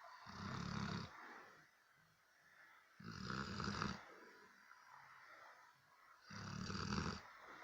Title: Cane Corso snoring part 2?😂